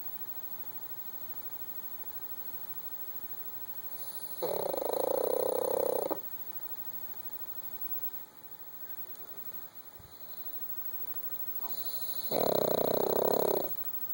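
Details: Sleeping female puppy, which owner says can get louder: two loud, buzzing, fluttering breaths, each lasting one to two seconds, with quiet gaps between them; snoring.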